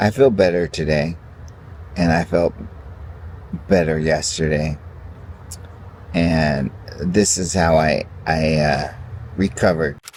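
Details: Adult man with ALS (amyotrophic lateral sclerosis) who has stopped his medication and now takes only vitamins and supplements, has extreme fatigue, walks with a cane and reports a hard time talking today; dysarthria (ALS).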